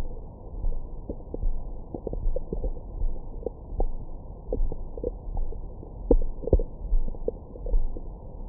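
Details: Abdomen recorded with a Stemoscope stethoscope microphone after a large meal: frequent low gurgles, rumbles and brief squeaks, active normal bowel sounds (stomach growling).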